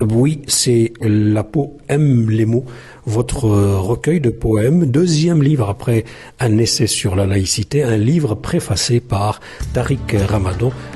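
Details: Adult man speaking French, radio interview; Normal speech.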